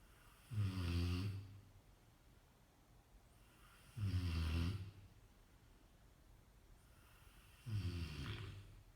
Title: Rottweiler schnarcht/is snoring